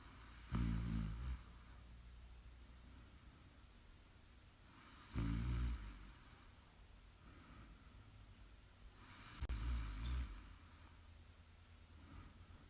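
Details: Three loud, low rattling snores on breathing in, roughly one every four to five seconds, with quiet breathing between them during sleep: snoring.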